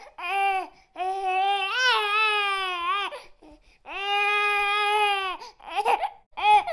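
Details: Hungry infant crying fast, with loud rhythmic crying bursts separated by brief gasps.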